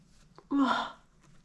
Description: Something really really tickled my nose leading to intense long build ups and hitchy breaths 🤧